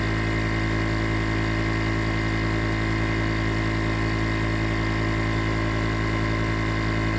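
Steady loud mechanical hum with a low, fast rattle and no change throughout; a nebulizer compressor running.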